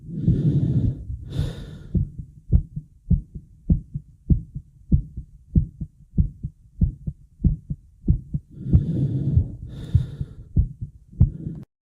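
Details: A person who could not catch their breath: loud, forceful heavy breaths, with a fast, steady heartbeat of about 95 a minute thumping between them.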